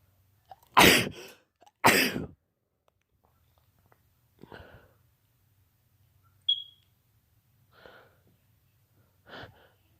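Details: Held-back sneezing: two sharp sneeze bursts followed by several smaller, muffled, held-back sneezes and a brief squeak; sneezing.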